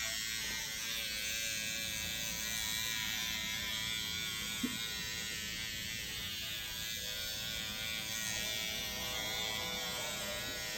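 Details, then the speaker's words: Continuous high-pitched buzz of a SkinPen microneedling pen at 1.0 mm depth on an adult dermatologist's skin, with PRP, to tighten skin, with steady room noise. "It's creating a hole in the skin. This is a controlled destruction. By creating a hole, the skin tightens. By tightening, the skin looks more youthful."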